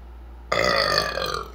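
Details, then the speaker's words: A single loud, drawn-out farewell burp lasting about a second, after eating a homemade chicken strips, fries and Texas toast meal for ASMR; feeling very full and not feeling the greatest; ordinary belch. "Not gonna stay too long. I'm gonna let you guys go with some farewell burps."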